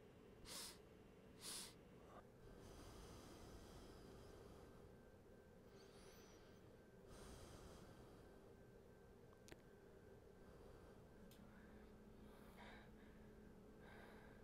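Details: Endoscopic recording of the vocal cords during breathing: two quick sharp sniffs, then quiet breaths over steady equipment hum. During sniffing the vocal cords stretch and open wider by reflex.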